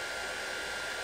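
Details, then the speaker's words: LEEL ozone (O3) CPAP cleaner mid-cycle (about 29 minutes left): steady, quiet airy hiss with faint constant tone of small pump; ozone cleaner running. "It's pretty quiet, but you can hear the air being pumped through there. And it's got that familiar oxygenated air scent to it, that let you know it's cleaning."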